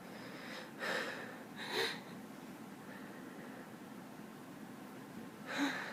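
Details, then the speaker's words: Woman with allergies, nose itching badly, still needing to sneeze: three sharp, explosive sneezes, two close together and one after a pause, in a quiet room. "Oh, God. Still have to sneeze. Oh, my nose just itches really bad."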